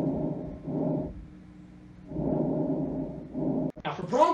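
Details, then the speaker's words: Normal vesicular breath sounds: soft, low-pitched rustling with a longer inspiration and a shorter, fainter expiration, quieter than bronchial breathing. "recall we have two normal patterns of breathing vascular and bronchial and this is how you're going to differentiate them for vascular it has longer inspiration period and shorter expiration V for shorter expiration and vessie for longer inspiration it also has reduced breath sounds vascular reduced"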